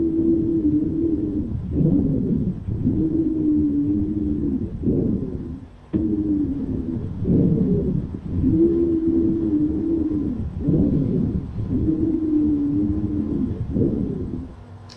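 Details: Lung auscultation, wheezes: continuous musical whistling tones with each breath, mostly on breathing out, from narrowed small airways.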